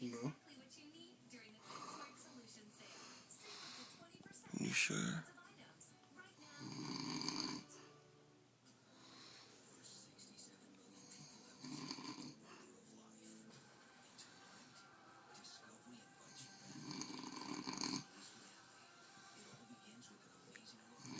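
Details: Person taking a 5-minute power nap: rough snoring sounds recurring every few seconds, about 12 a minute, over faint background music and room noise; snoring.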